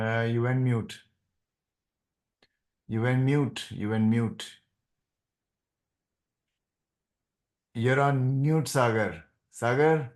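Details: Adult man speaking; no speech disorder.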